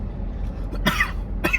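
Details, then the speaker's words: Adult who vapes only about once a month, coughing after inhaling from a vape in a car; says it burns: two short, harsh irritant cough bursts with car noise behind. "I know but sometimes I don't because I cough so much and it still Burns because if you want to know how much I ever Vape it's literally like once a month"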